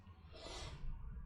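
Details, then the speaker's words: A dog snoring in the room, heard in the background while someone is talking; snoring. "vous entendez encore gonflé c'est le chien je suis désolé hein mais là je peux pas faire autrement"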